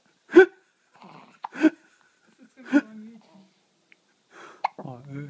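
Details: Hiccups: three sharp, abrupt voiced hiccup sounds about a second apart in a quiet room, with faint talk afterward.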